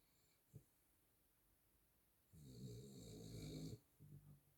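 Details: Sleeping miniature schnauzer snoring: a low, rattling snore on a long breath in a quiet room.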